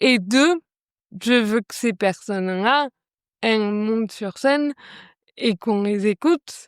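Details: Woman with cerebral palsy causing articulation difficulties, improved by speech therapy, speaking French; mild dysarthria (cerebral palsy).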